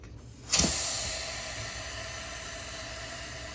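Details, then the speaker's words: Compass Medical Satin Air 20-cell alternating pressure (low air loss) mattress: CPR valve pulled as a demonstration, producing a sudden loud hiss of escaping air that slowly fades during rapid deflation. "It should be plugged in like so, right here. 2 little port connections. We're going to demonstrate pulling the CPR valve and how easy it is."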